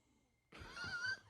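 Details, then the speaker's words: Sleeping dog with tongue out snoring: a single loud, rough snoring breath with a faint whistle in a quiet room. ">> It's just full snoring, fool."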